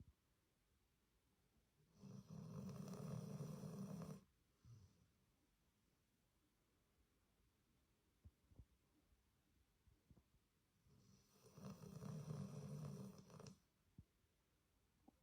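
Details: American Bulldog rescue dog, recently rehomed after three years in kennels, asleep in a quiet room: two long, low, rumbling snores about ten seconds apart; snoring.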